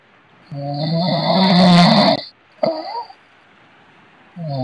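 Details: A loud, rough, rattling snore during one in-breath, then a shorter snort, from a sleeping man; snoring.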